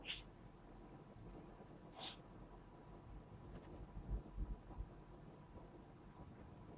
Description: The cat got tired of sneezing many times in a row